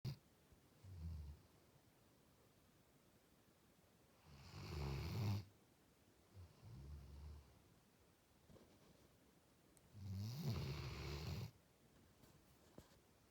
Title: Bruce the Labrador's loud snores